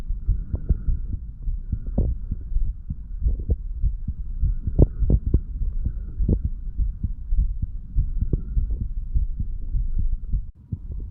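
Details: Self-recorded heart sounds of a 35-year-old man while standing, taken over the mitral, tricuspid, pulmonary and aortic areas and the right ventricle; valves described as opening and closing normally; normal heart sounds.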